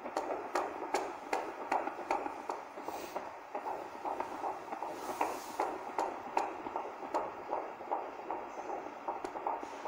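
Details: Rapid, regular whooshing pulses at about 150 a minute on 4D ultrasound at 28 weeks of pregnancy (7 months), heard clearly; a normal fetal heartbeat on Doppler ultrasound.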